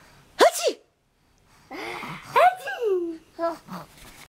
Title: Baby Laughs at Mother Sneezing Achoo Video Aussie Baby Boy With Healthy Sneeze